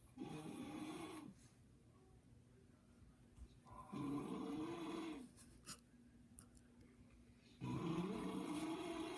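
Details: Unusual-sounding snoring from an adult man: three loud rattling snores about four seconds apart, roughly 15 breaths a minute, with quiet exhalations between and a steady hum in the room.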